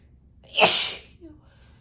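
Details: Female with cold sensitivity sneezing on a snow day in single-digit windchills: a single loud, forceful sneeze with a sharp burst of air, then quiet breathing; sneezing.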